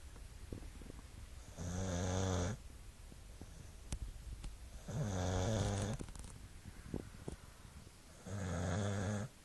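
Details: Staffy dog snoring: three low, buzzing snores on breathing in, about 18 a minute, with quiet pauses between them.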